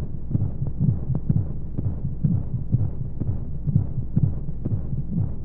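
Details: Womb-sound sleep aid for babies with white noise: soft muffled rhythmic heartbeat thumps, roughly 120 to 130 a minute, over a steady low whooshing flow, as heard in the womb.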